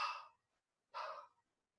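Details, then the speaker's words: Vocal imitation of aortic regurgitation's early diastolic murmur, heard in the aortic area to mid-sternal edge, patient leaning forward, breath held in expiration: two soft breathy blowing sounds, each fading away. "Aortic regurgitation in the sash area, aortic area to mid-sternal edge."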